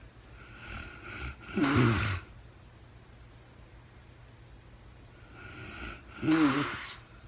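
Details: Adult woman snoring in real-time sleep, recorded as part of a four-hour overnight sleep recording; two rattling, low-pitched snores, each with a softer lead-in, in a quiet room.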